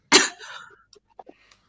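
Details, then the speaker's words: A single sharp cough from an adult who reports coughing a lot and wheezing for two days, hoping it is just allergies, followed by a brief fading rasp and quiet; cough. "i've been coughing a lot hi it would be really really bad if i'd coped i'm hoping it's just allergies um but i've been like wheezing for the last two days"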